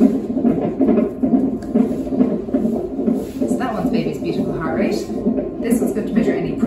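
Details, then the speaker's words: Fetal heartbeat picked up by the CTG (cardiotocography) monitor transducer with gel on the pregnant mother's abdomen: rhythmic whooshing pulses at about 136 beats a minute, judged perfect; normal fetal heartbeat. "next I'm going to put some jelly what's going around here and if you can hear that that's baby's beautiful heartbeat that's perfect"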